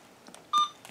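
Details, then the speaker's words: Single short electronic keypad beep among soft taps while entering drug amount on Alaris infusion pump, programming oxytocin (Pitocin) infusion, 30 units in 500 mL normal saline, for labor and delivery patient. "so here I've select drug amount and then I need to put in the number using the pad below"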